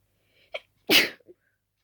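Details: Sleepy night-time sneeze after nose itching, which the person suspects came from dusting the room before bed: a soft breath in, then one sharp explosive sneeze through nose and mouth, with a small after-sound.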